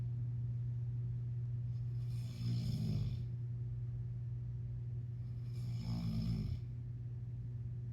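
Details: Male snoring: two low, rattling snores about four seconds apart over a steady hum.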